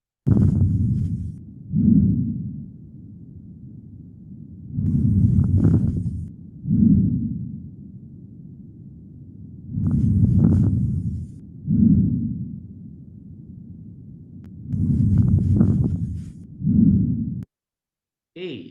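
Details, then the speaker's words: Teaching recording of steady breathing with brief, higher-pitched fine crackling clicks at the end of inspiration, of short duration: fine crackles. "that's good that's uh fine crackles shorter duration common at the end that common at the end of inspiration"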